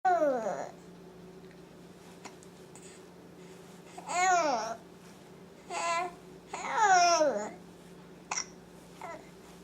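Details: Infant starting to vocalize: coos and babbles with brief, sharp catches between them from hiccups, alongside smiles, in a quiet room; infant hiccups.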